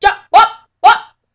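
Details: Vocal tic in a teenage girl with Tourette syndrome, an involuntary vocal noise.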